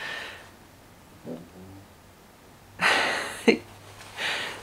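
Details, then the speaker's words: A pet dog snoring in the background of a home recording, with noisy, rasping breaths and a brief snort over a faint hum and quiet room sound. "and yes that is my dog snoring if you can hear"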